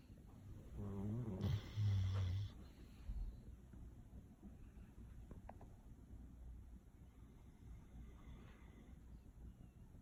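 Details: Golden Retriever dog snoring loud while sleeping: one loud, rumbling snore followed by quiet breathing and faint room noise; snoring.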